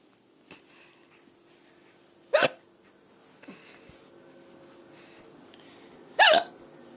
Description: short hiccup video